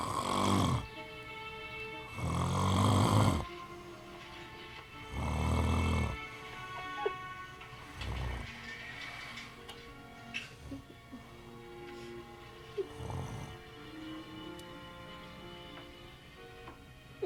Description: My fiance fell asleep on me on the couch. This is how he sounds. Lol I love him.